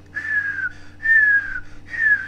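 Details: An adult imitates a high whistling breath sound, like the wheeze or stridor heard in choking or a blocked airway.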